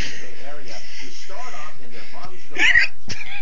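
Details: Hiccups in an adult amid casual conversation, others urging them to do it again: a sudden sharp burst and a brief click.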